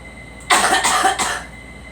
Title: Girl coughing